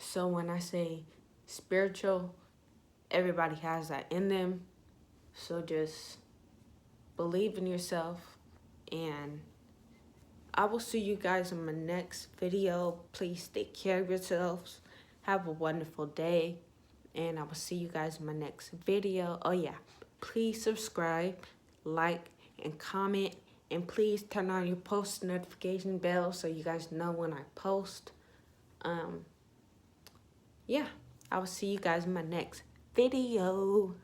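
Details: Young woman with self-reported ataxia type 46, with symptoms beginning in high school, who says her voice trembles whenever she talks; voice tremor (ataxia).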